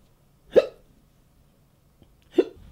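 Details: Two short, sharp hiccups about two seconds apart in a quiet room, acted by a man in a comedy sketch: simulated hiccups.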